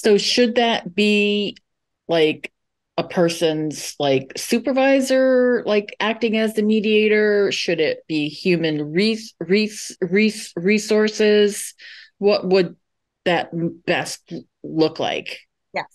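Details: Adult moderator asking a question in English during a session for people who stutter; sound repetitions are audible; stuttering.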